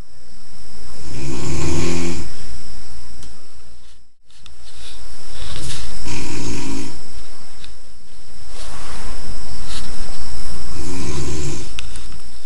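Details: A senior who says he doesn't snore, recorded snoring: three loud, rough, low-pitched snores about four seconds apart, roughly 15 a minute, over a steady background hiss.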